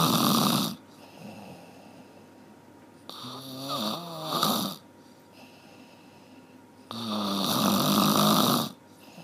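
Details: Loud, rattling snores separated by quiet pauses, with a softer snore in between; heavy snoring during sleep.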